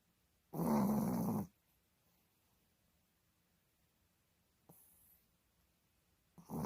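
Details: Pet dog snoring in sleep: a single low, rumbling snort with a faint second breath sound in a quiet room; snoring.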